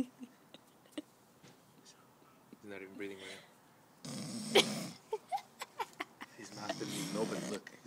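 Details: Man sleeping with his mouth closed, snoring very loudly: rattling snore phases between quieter breaths, with soft background talk; snoring.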